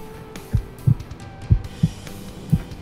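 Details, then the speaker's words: Low lub-dub thuds at about 70 a minute through a stethoscope in the back of an ambulance, an adult presenter listening to his own healthy, ordinary heartbeat. "you hear that? Yeah, that's my heart beating. I'm nice and healthy."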